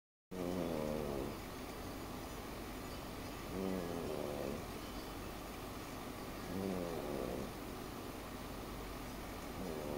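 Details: A sleeping female snoring: rhythmic snoring, one snore about every three seconds, roughly 20 a minute, over steady background noise.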